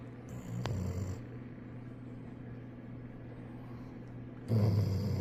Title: Dog falls asleep leaning against owner, snoring too loud!!! #goldenretreiver #dog #dogsnoring